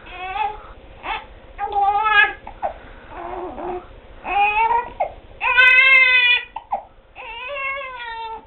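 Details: A one-month-old infant with hiccups cries in repeated wailing bursts with short gasping pauses, while being dressed in a small quiet room; infant cry.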